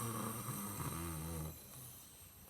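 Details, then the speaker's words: Adult imitates a loud, rumbling snore on a drawn-in breath, followed by quieter breathing, demonstrating a sleeper's snoring that pauses briefly and then resumes with an inward breath. "ചില കൂർക്കം വലിയൊക്കെ കണ്ടിട്ടില്ലേ നമ്മൾ എന്ന് പറഞ്ഞു, പിന്നെ കുറച്ച് നേരത്തേക്ക് ഒന്നും കേൾക്കില്ല. പിന്നെ കാണാം ഇതിങ്ങനെ എടുക്കുന്നത്, ഉള്ളിലേക്ക് എടുക്കുന്നത്"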